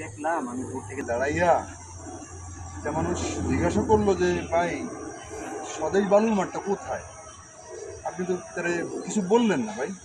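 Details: Adult man, acted comedy skit; fluent speech.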